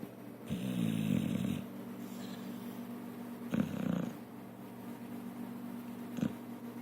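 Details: A female pit bull, asleep and apparently dreaming on a couch, snores up a storm with throaty snoring breaths and a short snort near the end; ordinary snoring.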